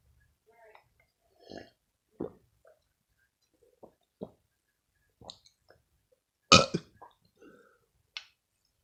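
Soft gulping and swallowing sounds with small burps, one louder burp near the end, in a quiet room; ordinary burping during a milk feed.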